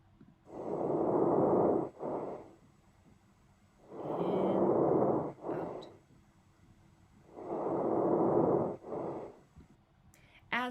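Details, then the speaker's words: Soft, low rustling breaths at about 18 a minute, heard through the whole inhalation while exhalation fades away after its first half to two-thirds: normal vesicular breath sounds. "so in a normal breath sound you can hear the sound through the entire inhalation and then the exhalation you hear kind of the first half two-thirds and then that that sound just completely fades away for the end"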